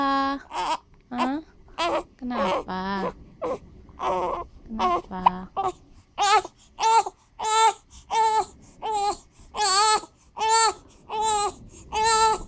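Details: Infant on a bouncer, hiccuping and then crying: rhythmic wailing bursts, roughly 86 a minute, with short gasps between cries.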